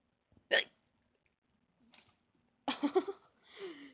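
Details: An adult's loud, abrupt voiced hiccup, then a brief pause and a few words in a quiet room; the hiccups startled a pet rabbit.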